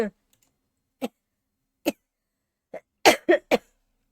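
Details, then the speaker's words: Adult with a cold for five days (sore throat, body aches, lost voice, nasal congestion, low-grade fever; coughing worst at night), still coughing after taking medicine: a series of about six short, dry coughs, the last three in a quick cluster. "그래서 약을 먹었는데 기침이 계속 난다."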